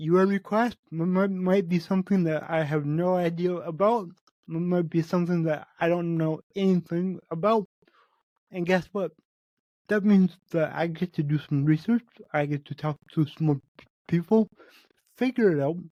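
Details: Adult male podcast host with cerebral palsy, which he says affects every muscle in his body; he says his speech is much better than 8 months ago and improving with better health. Dysarthria associated with cerebral palsy.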